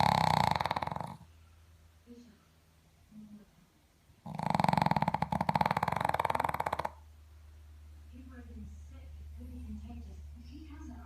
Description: Dog snores louder than my husband